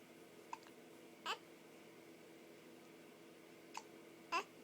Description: Hes Saying how much he hates te hiccups:)